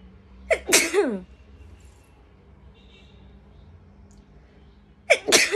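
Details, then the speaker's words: Young woman in traditional Indian attire doing a sneezing challenge in a hot room, with sneezes induced by snorting powder: two sharp sneezes, each with a quick inward catch and a loud explosive burst, a few seconds apart. "और अब देखते हैं गर्मी पसीना और साथ में sneezing challenge आंखों में आंसू भर रहे हैं"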